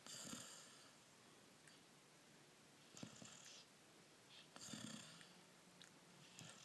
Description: 4mo old lab mix is snoring in mamas lap.